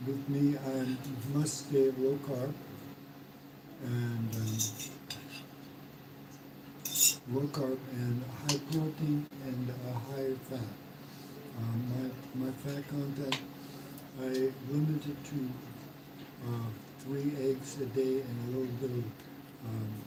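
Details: Man, 115 days into self-therapy for mild aphasia after a mild stroke; hesitations and sentence restarts; mild aphasia after stroke.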